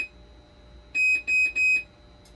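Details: Hemodialysis machine under repair for conductivity, 12-volt and BP cuff faults: three loud, high-pitched electronic alarm beeps in quick succession in a quiet room.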